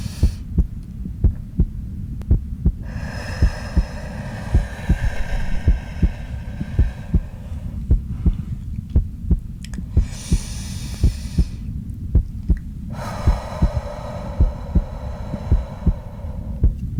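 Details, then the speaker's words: Real heartbeat heard over the back in an ASMR doctor roleplay during slow deep breathing for anxiety; the heartbeat is noted as lowering. Steady soft thumps at about 54 a minute, with long slow breaths and brushing over them. "I I really felt your heartbeat lowering as I was doing the breathing with you so I think that the breathing exercises themselves are going to help you a lot"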